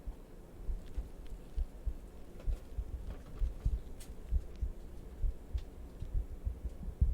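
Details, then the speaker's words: Normal heartbeat recorded by pushing a microphone against the chest: soft, low thumps at about 66 a minute, somewhat uneven and muffled by handling noise. "Wait, how do you record your heartbeat? Because I barely hear it. I just pushed the microphone against my chest."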